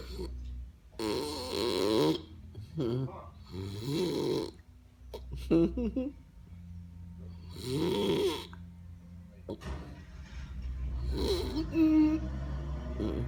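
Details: Irregular throaty snores on the in-breath, roughly four in the span, over low room hum with faint talk; snoring.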